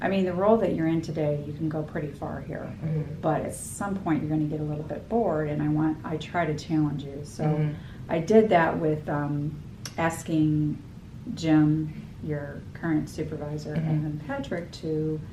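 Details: Adult woman; typical speech.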